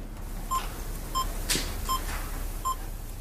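Three short, even beeps in a quiet room, followed by a voice: test tones played during a cochlear implant activation hearing check.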